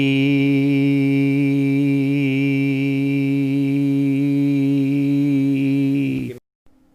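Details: Real hospital patient with familial essential tremor; slight variation in the voice; voice tremor.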